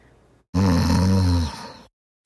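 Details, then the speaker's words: A single loud, low, rattling snore lasting over a second and fading at the end, then silence: snoring during sleep. "SNORING IS DISRUPTIVE AND IN SOME SEVERE CASES IT CAN BE LIFE THREATENING."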